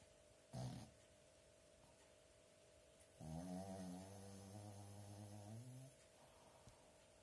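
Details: Snoring during sleep: a brief snort, then one long, rumbling, buzzing snore on a breath, with a steady faint tone in the room.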